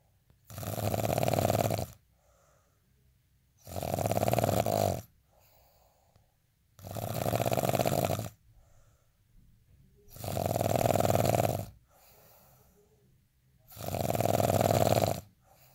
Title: day in life snoring asmr sound 241